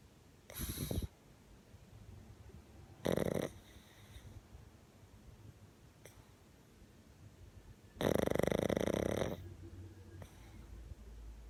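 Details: A sleeping pug snoring heavily: loud rattling snorts on in-breaths, broken by quiet pauses.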